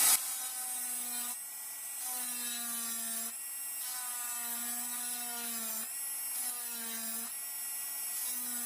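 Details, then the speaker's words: Simulated preparation of mandibular first molar (FDI #36) on a typodont for full veneer crown: steady high-speed handpiece whine dipping in short bursts, cutting occlusal depth orientation groove for mesiobuccal cusp. "So for the occlusal surface, like the groove would be like one groove from cusp tip to central fossa for each cusp, both on the buccal side and also on the lingual side. So first groove for the mesiobuccal cusp."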